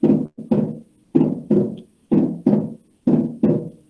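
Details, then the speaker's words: Teaching recording from a congenital heart disease lecture: the second heart sound splits into audible pulmonary and aortic components (semilunar valve closure); fixed split S2 with loud P2. "Este segundo ruido tiene una característica especial, es que tiene 2 componentes, el componente pulmonar y el componente aórtico."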